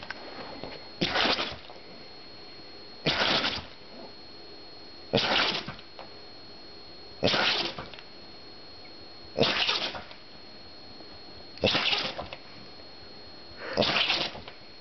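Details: Oliver, a Glen of Imaal Terrier, in a sneeze attack triggered by black pepper in the air from dinner: seven sharp, hissing sneezes about two seconds apart, roughly 29 per minute.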